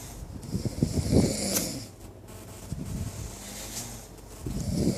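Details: Snoring during sleep: low, rough, fluttering breaths swelling and fading irregularly with snorting bursts.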